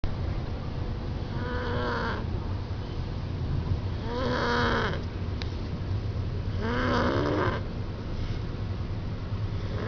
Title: my little bro snoring like crazy